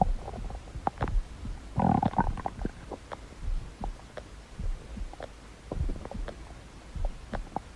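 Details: Stomach growling (borborygmi): low gurgling and rumbling bowel sounds with scattered pops and a louder growl, ordinary stomach growling.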